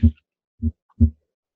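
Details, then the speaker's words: Simulated normal heart sounds on a Harvey cardiopulmonary patient simulator set to the normal condition, heard with the Harvey stethoscope at the right upper sternal edge: clean low thumps, about 60 a minute, with no added sounds. "I'm going to go to back to the normal condition just to start I'm going to adjust my volume and add so that you can hear hard sounds"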